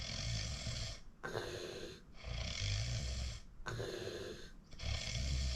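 Loud rattling snores on each breath in, about 25 breaths a minute, with brief pauses between them.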